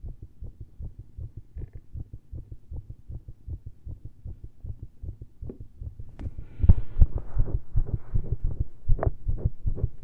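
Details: Fast, irregular heartbeat with many premature ventricular contractions (skipped beats), extra early beats and pauses growing louder, recorded by stethoscope with a lav mic after a large caffeine intake, while standing and pushing into pressure.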